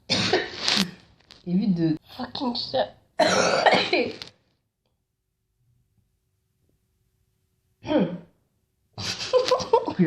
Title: Girl Coughing 16